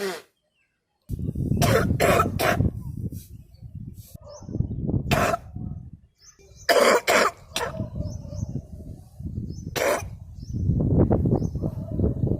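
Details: Girl sneezing and coughing during sutra neti nasal cleansing with a rubber tube passed through the nose: repeated harsh coughs with sputtering, then wet, snotty nose blowing and snorting over a low rumble.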